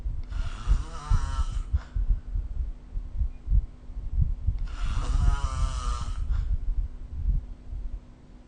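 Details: Snoring during sleep recorded with the SnoreLab phone app: two loud, rattling snores on breathing in, a few seconds apart, over low room rumble.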